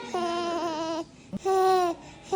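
Two strong, steady newborn wails, each about half a second to a second long, with a nasal "neh" quality and a brief gasp between them: a hunger cry.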